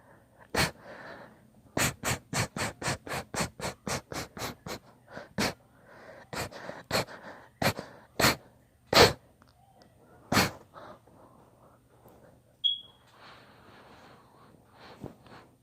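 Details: Induced sneezing fit, part of a long session: about a dozen sharp, explosive sneezes in quick succession with brief breaths between them.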